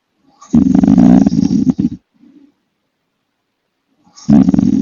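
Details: Young man snoring heavily: loud, deep, rattling snores in long buzzy bursts separated by a quiet pause.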